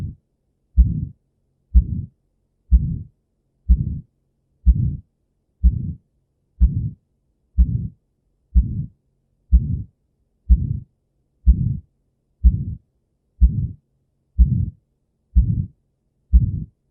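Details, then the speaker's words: Regular heartbeat near 62 a minute, each beat trailed by a loud, harsh crescendo-decrescendo systolic ejection murmur at the aortic area, radiating to the neck, with decreased A2; aortic stenosis. "the organic mummas usually occur in aortic stenosis with various causes it is systolic jet light loud harsh and accurate general decrescendo"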